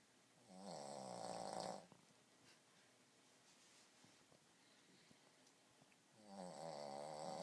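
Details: Boston Terrier (Chloe) snoring: two loud, buzzing snores on inhalation separated by a quiet pause of several seconds; ordinary snoring in a flat-faced small dog.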